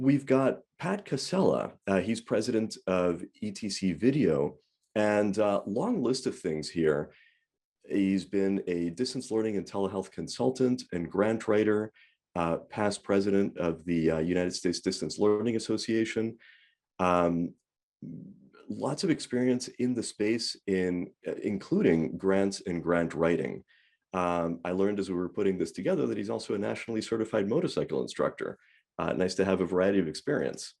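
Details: Adult male speaker; normal voice.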